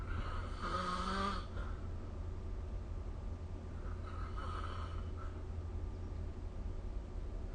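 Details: Snoring recorded with the SnoreLab phone app: one loud rattling snore, then a softer snore a few seconds later, over a steady low room hum.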